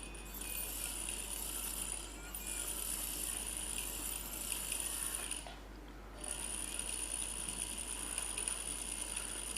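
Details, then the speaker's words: Routine cataract surgery under peribulbar block, 2.8 mm main incision, after direct chop of the nucleus: steady high-pitched electronic tone with hiss and faint mechanical rattle as each fragment is emulsified with ultrasound energy; phacoemulsification machine sound. "Now each fragment is emulsified using the ultrasound energy."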